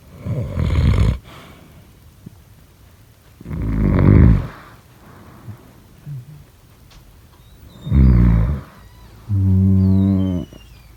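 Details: Four loud, low, rumbling breath sounds at regular intervals, about one every three seconds, with quiet pauses between: snoring during sleep.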